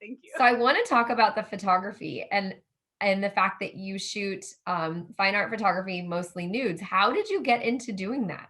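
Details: Adult woman (interviewer); typical speech.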